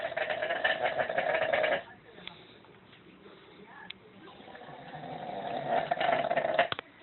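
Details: Unusually odd snoring: two buzzing, vibrating, high-pitched snores separated by a quiet stretch, with a few soft clicks.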